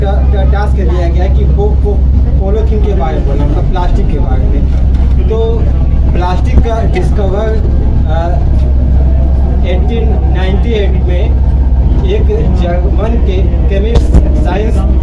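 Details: Adult man who has stammered since childhood, first noticing it around ninth grade, speaking at a communication-skills group; stuttering.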